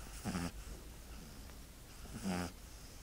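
Two short, low, snorting snores about two seconds apart, with soft breathing between them.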